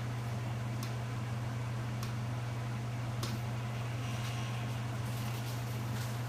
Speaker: These are normal sounds as the laser is warming up.